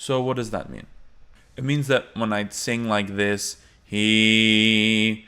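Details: Adult male singing teacher, imitated; hypernasal singing tone.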